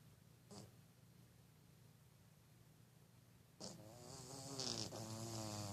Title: CUTE CAT SNORES LIKE A HUMAN!